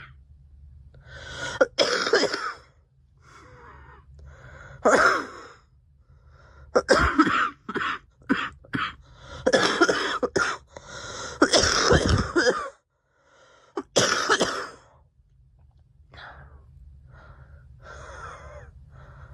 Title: Girl coughing 230